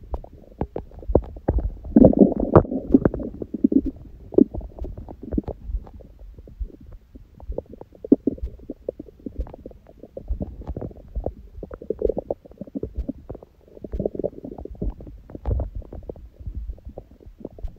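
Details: Belly sounds after a first meal at 16:00 (water-only fast since 19:00 the previous day) and after ab exercises, on a raw-food diet: frequent gurgling and rumbling with occasional louder bursts; active bowel sounds.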